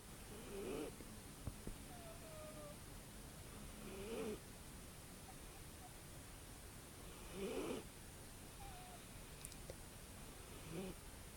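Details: Soft, slow snoring bursts, about 17 a minute, with faint whistling tones between breaths, from a sleeping cat that snores and whistles.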